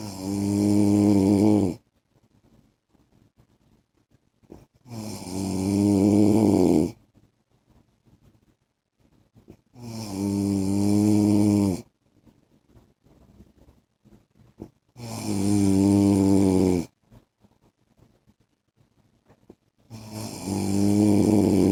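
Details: Husband's heavy snoring in sleep: loud, regular snores about every five seconds, roughly 12 breaths per minute, with quiet pauses between.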